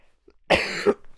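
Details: Bedridden sick adult man with a hoarse voice, illness unknown: single harsh, deep, rough throaty cough in a quiet room.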